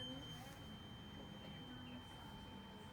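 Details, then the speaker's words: Weber hearing test during a cranial nerve VIII head-to-toe exam: a steady, pure ringing tone from a struck tuning fork, with the patient asked whether it is heard evenly in both ears. "So, I'm going to do another test is called the Weber test. And just let me know if you can hear this evenly in both ears."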